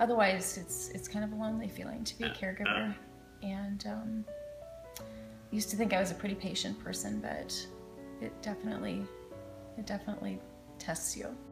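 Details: Adult woman speaking, soft background music; ordinary speech.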